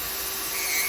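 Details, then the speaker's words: Steady high hissing whine of a rotary burr grinding down a deep corn on the tip of a hammer toe and its hard thickened toenail; podiatric rotary burr grinding. "so we're just going to gr it nicely and then I should I should do the job"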